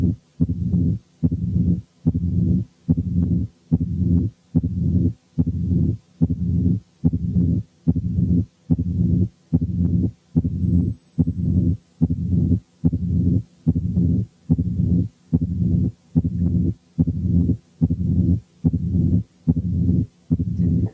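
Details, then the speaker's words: Mitral stenosis: a regular heartbeat at about 72 per minute, with an accentuated first sound, the second sound, an opening snap, and a low mid-diastolic murmur with presystolic accentuation. "المفروض ان كل واحد recognized accentuated first sound ثم second sound ثم opening snap ثم mid diastolic murmur with a pre-systolic accentuation."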